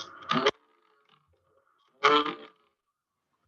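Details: Egophony on chest auscultation: short repeated voiced vowel sounds with a nasal, bleating "ay" quality heard through the chest wall.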